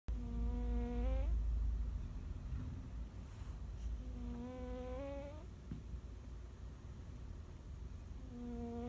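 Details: Cat snoring: buzzy, whistling tone on each breath rising at the end, about 14 breaths a minute.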